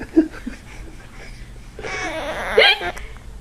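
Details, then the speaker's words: Hiccups: a brief sharp voiced catch near the start, then laughter-like noise, as the one hiccupping watches someone imitate the hiccups ("Hic. Hic."). "Oh, you had a hiccup. Hic. Hic. Hic. Hic. Hic."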